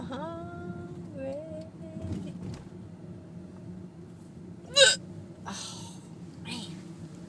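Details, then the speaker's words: Adult woman with hiccups, riding in a car: a brief vocal sound, then a sudden sharp hiccup and a few softer catches of breath in a quiet interior. "[Music] I have hiccups that's okay you're your left Lan honey this is the funnest Saturday"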